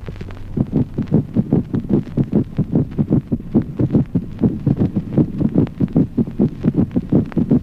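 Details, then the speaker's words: Mitral opening snap in rapid atrial fibrillation. Because the heart events follow each other so quickly, the protodiastolic gallop rhythm is barely perceptible. "Ejemplo 18. Yasquido de apertura mitral en la fibridación rápida. A consecuencia de la sucesión veloz de los fenómenos cardíacos, el ritmo de galope protodiastólico es apenas perceptible."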